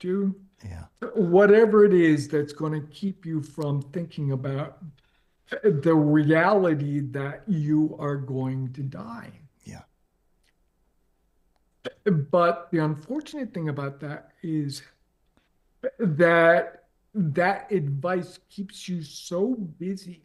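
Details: Adult man with late-stage ALS, diagnosed 4.5 years ago, with onset in the right calf spreading upward; it now reaches his neck, causing difficulty speaking and breathing. He speaks using a ventilator. Dysarthria in amyotrophic lateral sclerosis.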